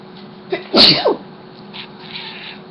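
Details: Person's single sharp sneeze, a quick intake then explosive burst, over faint room noise, in a dim room while a pet cat reacts.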